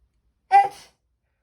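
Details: Rabbit sneezing, then reacting angrily: one brief, high-pitched, slightly voiced puff of a sneeze.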